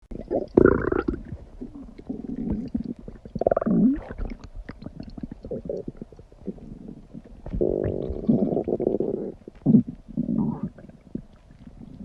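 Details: Dog's stomach recorded close up while her tummy is acting up: loud gurgling, bubbling and squeaking rumbles, stomach growling (borborygmi).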